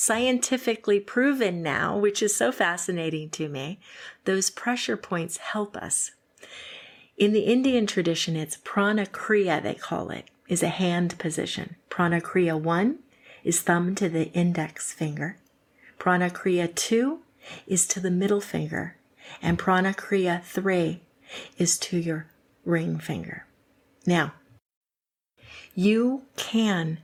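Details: Adult woman; typical speech.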